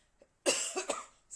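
A quick harsh run of about three coughs in a quiet room, from an adult with viral pneumonia and lung cancer.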